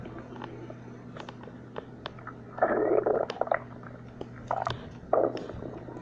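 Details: Low gurgling bursts over a steady room hum: bowel sounds from a growling stomach, normal borborygmi.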